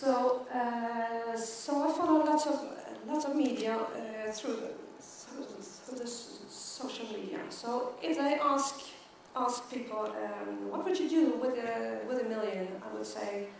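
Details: Stuttering in an adult woman who stutters, giving a keynote talk at a world congress for people who stutter.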